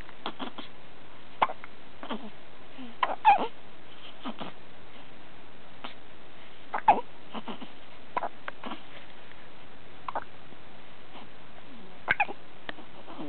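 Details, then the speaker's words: Brief, sharp gulping hiccups recurring irregularly, about 17 a minute, in a quiet room. "this is with hickups mar's hungry"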